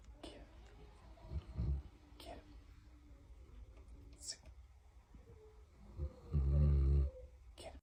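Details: A sleeping puppy gives a brief rumbling snore, then a longer, louder, throaty snore with a slight moaning tone, in a quiet room; ordinary snoring, possibly dreaming.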